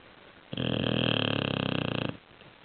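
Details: Bulldog asleep, snoring: one long, rough, fluttering snore, about a second and a half, in a quiet room.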